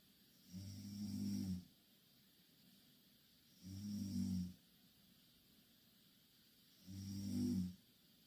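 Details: Two Korean girls sleeping in the same bed, snoring loudly: three loud, low, rattling snores on inhalation, about 19 a minute, with quiet pauses between.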